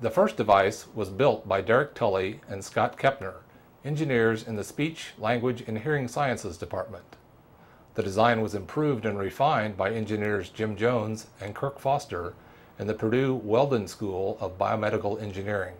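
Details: Adult male narrator; Normal speech.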